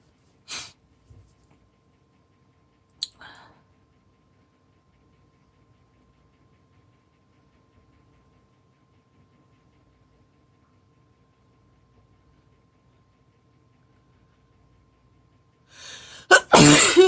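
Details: A few short sharp bursts and a loud forceful sneeze at the end, in a quiet room, from an adult on day 2 of a cold, partly induced sneezing, recorded on a phone; sneezing.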